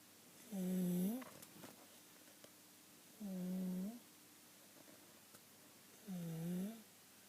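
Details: Child asleep, recorded July 2012: continual harsh, musical, crowing noise on each breath in, about 22 breaths a minute, inspiratory stridor.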